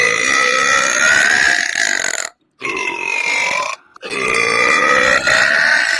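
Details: Woman belching: long, loud, drawn-out belches, three in a row with brief pauses between them.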